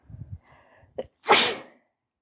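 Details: Morning sneezes from a sleepy person who was also coughing, with a tickly throat; sneeze.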